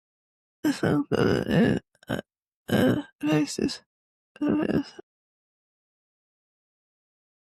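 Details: Severe slurred dysarthria in a woman with cerebellar-type multiple system atrophy (MSA-C).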